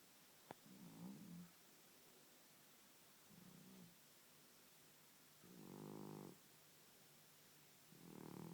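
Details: Elderly pet cat that has snored all his life, with snoring worsening with age, now asleep and snoring loudly enough to disrupt the owner's sleep, phone calls and reading.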